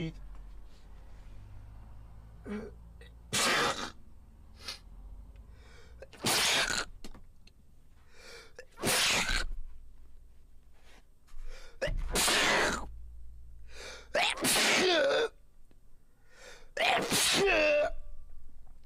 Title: How was bro sneezing like that?XDD #follow #like #comment #share #shorts #short #shortsfeed #twitch